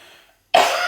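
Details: Single short, dry cough after brief silence, simulated by an actor playing a female triage patient with a three-day cough, already taking natural-based syrups, no swallowing problems, no previous lung problems; throat clearing and sighing nearby.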